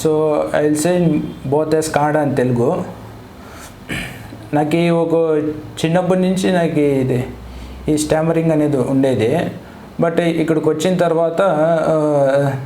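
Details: 23-year-old man who has stammered since childhood, with a complaint of non-fluent speech, in a speech sample recorded before speech therapy; stuttering.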